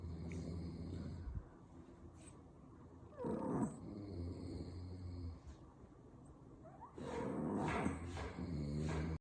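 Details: Rough, growling snores from a father and a dog snoring together, a few seconds apart over a noisy background; snoring.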